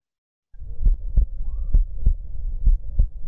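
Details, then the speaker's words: Teaching case with decreased right breath sounds and fine crackles, pneumothorax and pericarditis considered: cardiac auscultation rhythmic, normophonetic, about 68 a minute, no murmur or pericardial friction rub; normal heart sounds. "E aí o que vocês acharam ausculta cardíaca dele a agulha estavam rítmicas normofonéticas um médico nós tem algum sopro não é muito bom"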